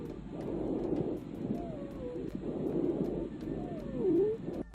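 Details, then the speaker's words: Wheezing played as an example of emphysema/COPD with shortness of breath: repeated rushing breaths carrying thin whistling, musical tones that slide in pitch, from narrowed airways. "Então, quando eu vou escutar também esse paciente que tem enfisema, ele também vai estar chiando. Juliana, bota aí um chiadinho de gato pro pessoal ouvir."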